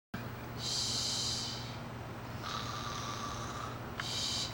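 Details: Mother pretending to be asleep and fake-snoring to amuse a child: noisy, rattling breathing sounds in a steady rhythm over a low room hum; simulated snoring.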